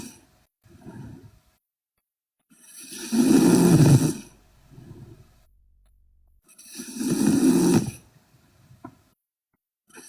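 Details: Sleeping girl snoring loudly: loud, rough snoring on the in-breaths with quieter out-breaths between, about three breath cycles in ten seconds.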